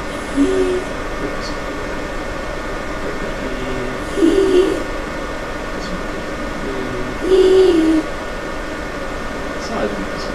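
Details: Inspiratory stridor from bilateral vocal fold paralysis before treatment; laryngoscopy shows restricted movement of both vocal folds with a narrow glottic opening.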